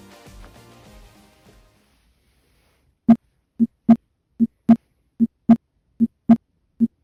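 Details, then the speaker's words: Normal heart sounds, regular paired S1 and S2 at about 75 a minute, auscultated at the aortic area (second intercostal space, right parasternal line) with the patient seated upright, chest bare. "Primero, foco aórtico, el cual se localiza en el segundo espacio intercostal y la línea paraesternal derecha. Y vamos a proceder a escuchar."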